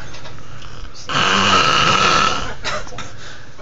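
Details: Male snoring very loudly, reportedly for about an hour: a single loud, rough, rattling snore lasting over a second, with quieter noisy breathing before and after.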